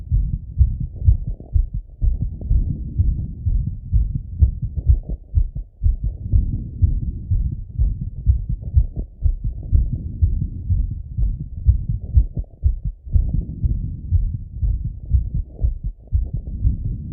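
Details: Fast, regular heartbeat at about 125 beats a minute, heard through a stethoscope as an adult male auscultates his own heart after a workout set: normal heart sounds after exercise.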